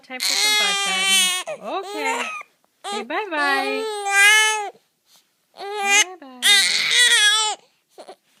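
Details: Infant crying while having hiccups: repeated high-pitched wailing cries in bursts with breaths between, from an upset infant.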